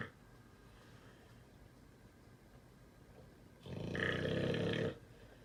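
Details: Pitbull snoring while sleeping through fireworks: quiet breathing, then one loud, rough, rumbling snore lasting over a second; noisy background.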